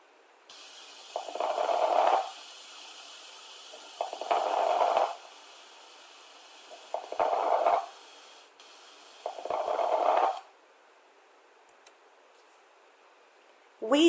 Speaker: Crackles, or rales, are heard during inspiration and sound like a fine crackling, similar to a crackling fire. This crackling sound indicates fluid in the alveoli and can be indicative of pneumonia or acute bronchitis.